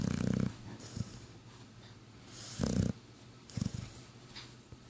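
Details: Sleeping dog with damaged sinuses, lying in an awkward position, giving low rattling snores at irregular intervals; snoring.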